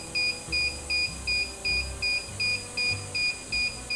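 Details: Regular high-pitched beeps, about 160 a minute, over a low hum from an argon cold-plasma device in pulse mode, the arc switching on and off about 42% of the time; the beeps signal the tip is active.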